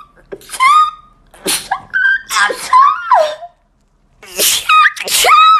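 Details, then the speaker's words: Sharp sneezes with high voiced cries and exclamations, from a compilation of clips of people sneezing: ordinary sneezing. "Okay, that was weird, and I kind of want to do it again. Sorry, I sneezed a little there."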